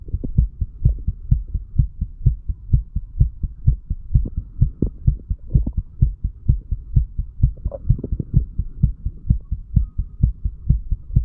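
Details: Heart sounds of a 35-year-old man after heavy alcohol intake, self-recorded by stethoscope a few hours after going to bed, moving from mitral to tricuspid area: steady, regular, rapid heartbeat at about 128/min, low background hum.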